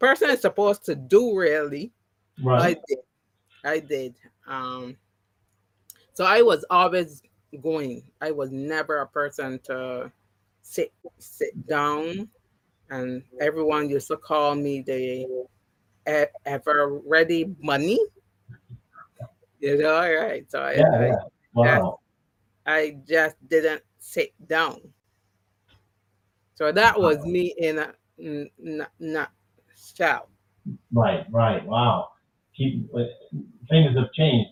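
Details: Adult woman with three strokes (2017, 2018, 2019); the first, a haemorrhagic stroke, took her speech and paralysed her right side; aphasia, post-stroke, partially recovered, with some words never returning.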